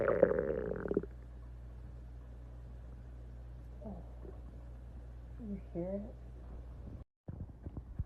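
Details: Stomach of a female: a loud rumbling gurgle, then quieter squeaky, bubbling gurgles over a low steady hum. Ordinary stomach growling (borborygmi).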